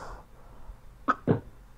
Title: Чат-рулет - кашель